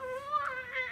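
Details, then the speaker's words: Baby crying, played as a demonstration in a lecture on sound processing in the brain: a brief tonal infant cry with steady pitch and a rising, strained note near the end. "now you can hear the baby crying I need a little more sound here make this really loud you can hear the baby"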